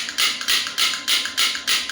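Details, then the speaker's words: Sharp, regular clicking pulses, about three per second, from a clinical radial shockwave (ESWT) therapy handpiece applied to the elbow, firing at 3 Hz; shockwave therapy device in operation. "So I put the same on the elbow. I press the switch."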